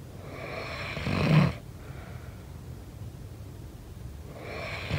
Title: SNORING SOUND